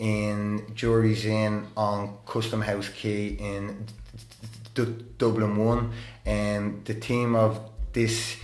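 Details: Adult man who stammers, openly disclosing his stammer and attending therapy; stuttering.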